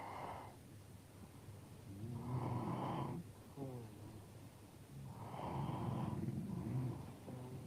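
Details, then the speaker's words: Loud, low, rattling snores on each breath in of a sleeping adult man, quieter breaths out between them; he suspects he has sleep apnea and plans to see a sleep specialist. "that's not bad snoring right that sounds good that's good snoring yeah but I didn't answer ah see beautiful okay"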